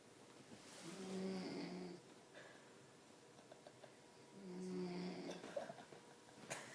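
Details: Two slow, rough, buzzing inhalations during sleep, roughly 4 seconds apart, over faint room noise, recorded in 2011; ordinary snoring.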